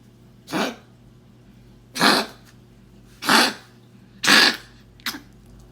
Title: Kennel cough in a small dog.